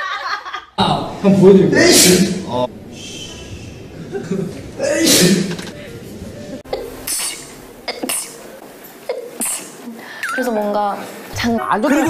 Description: A compilation of KPOP idols sneezing